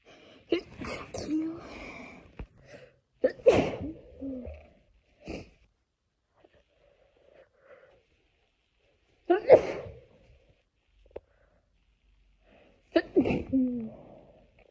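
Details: Girl's wet sneezes: four loud, wet sneezes, each with a sharp inhaled lead-in and explosive burst, separated by quiet pauses; sneezing.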